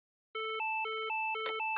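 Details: Simulated adult-mode LIFEPAK CR2 AED trainer demo with cprINSIGHT, during 30:2 CPR: rapid alternating two-pitch electronic warning tone at the "press flashing button" prompt just before "shock delivered". AED shock tone.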